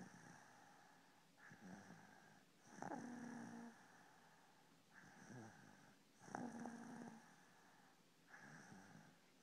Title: snoring!!